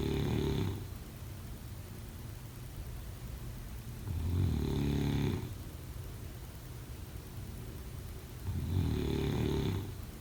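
Low, rattling snores repeat about every four seconds, roughly fifteen a minute, with quieter breathing between them. Ordinary sleep snoring.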